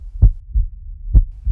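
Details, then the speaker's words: Two deep, muffled lub-dub thumps about a second apart: a heartbeat sound effect in a dramatized short film for a pregnancy center, not a real recording. "Wow, is that you, Mama? I hear your heart beating."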